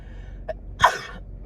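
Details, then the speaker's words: Sneeze that happens every winter after leaving a dry gym sauna into cold outdoor air, thought to come from dried sinuses or the temperature change: a quick catch of breath, then one loud explosive sneeze. "the quick change of like I guess uh temperature or something. Every time in the winter like so since I've been going to the gym whenever I go in the sauna it makes this it just happens"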